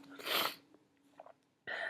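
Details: Acted scene of a female CEO sneezing during a company meeting, attributed to allergy to flowers in the conference room: one short hissing sneeze, a pause, then speech begins; sneeze.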